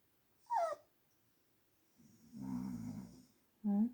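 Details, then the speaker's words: Man ("dad") snoring while a sleepy Blue Heeler–Corgi dog whines; a low, rough snore between the dog's high-pitched whines. "Daddy is snoring, huh? Are you crying?"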